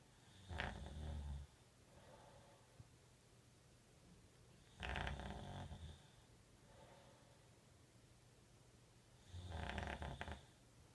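Three low, rumbling snores on the in-breaths, about 14 a minute, with quiet breathing between them in a small room. Ordinary snoring.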